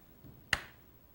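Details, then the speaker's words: Transcranial magnetic stimulation for depression: a single sharp click as the coil fires one pulse while positioning on the head to find the motor threshold, confirmed by an involuntary thumb twitch. "it's a strong so it's an involuntary movement that shows that the electromagnetic waves are penetrating through the skull to the brain in the right spot"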